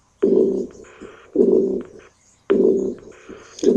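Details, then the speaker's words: A long, deep diastolic sound likened to somebody regurgitating, from a reference heart-sound website recording: a diastolic regurgitant murmur. "one I find a little bit easier to remember because the long deep sound it sounded like somebody regurgitating it is imaginable"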